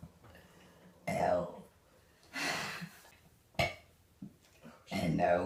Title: She Burped the Alphabet 🤣 #shorts #burping